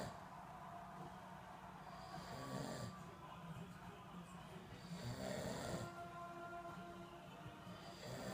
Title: Daddy Snoring~December 2014